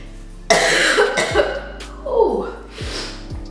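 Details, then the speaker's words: A few harsh, partly voiced coughs from an adult woman who is sick with a cold and can barely breathe or talk, echoing in a bare, unfurnished room with faint background noise. "And two, I am very sick because of how cold it is in Florida right now. This random cold front hit, and my house is like 60 degrees and I can barely breathe or talk, or just I sound like a, gosh, that cough just sounded so stupid."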